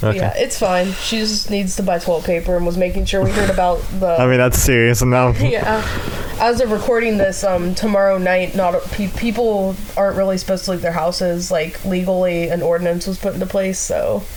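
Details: Adult woman speaking; typical speech.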